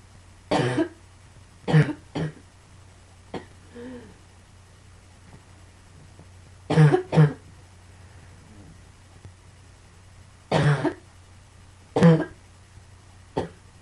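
Repeated short coughs in clusters of two or three, about eight in all, over steady low room hum.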